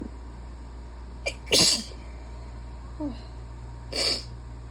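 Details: Wet, barky sneezing fit while still sick with a cold, starting slowly: three sneezes in a row, the first a small catch, the next two loud and wet, over steady room hum.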